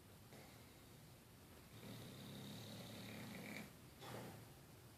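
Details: Low, rumbling snore on the in-breath, then a second, shorter snore after a pause, over quiet room noise; ordinary snoring.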